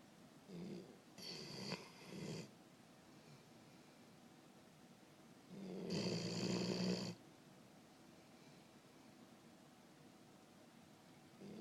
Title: And you think your husband snores loud?